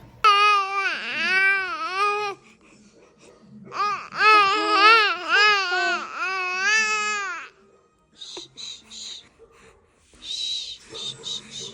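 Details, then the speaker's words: Newborn girl gives a tired cry: two whiny, wavering bouts, then quieter fussing signalling readiness for sleep. "Recognizing this cry, getting them down before they're overtired, super important for baby and you."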